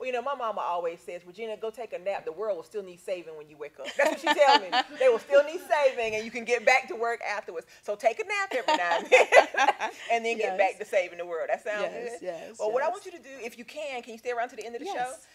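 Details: Adult woman speaking; Normal speech.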